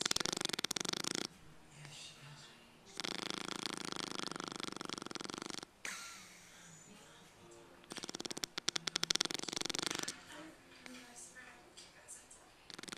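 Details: Snoring: loud rattling inhaled snores in bursts of a few seconds, separated by quieter out-breaths, about three snoring breaths.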